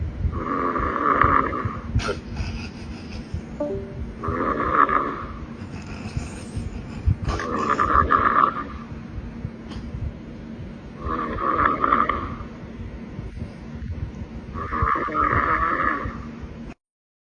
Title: Long night of filming = Snore Session #shorts